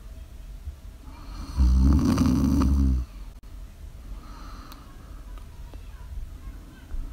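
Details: Live-streamed ASMR sleep snoring: one loud, low, rattling snore on an in-breath, then quiet breathing with faint room noise; snoring.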